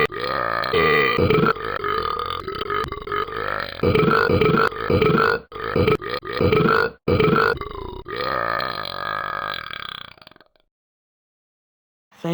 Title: Burping frenzy with talking Ben